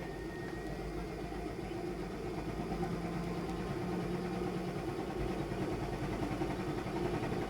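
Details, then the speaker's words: High-frequency chest wall oscillation vest airway clearance demonstration at a cystic fibrosis center, final cycle at 14 Hz, pressure 6, 6 minutes, with only frequency changing between cycles: steady, low, rapid rumbling drone like an idling motor. "and then i will finish up with the last cycle which is a hertz of 14 pressure six and the time remains at six so basically with this protocol the only thing changing is your hertz each time"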